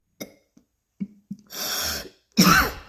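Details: A few short throat-clearing coughs, then two harsh, forceful coughs after inhaling dabs, with the person then saying their lungs hurt; coughing.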